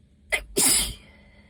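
A short indrawn breath followed by one sharp, hissing sneeze, an allergic sneeze.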